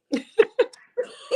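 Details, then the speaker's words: Adult coughing during a radio show; four or five short, voiced, slightly raspy bursts; the speaker suspects a virus. "um excuse me that c was coughing I don't like the way that sound"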